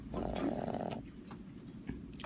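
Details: Small dog snoring, usually not this loud: one loud, harsh, snorting snore lasting about a second, then quieter breathing noise in a small room.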